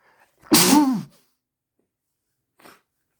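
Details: Adult tickling their nose to trigger a sneeze, then sneezing into a handkerchief.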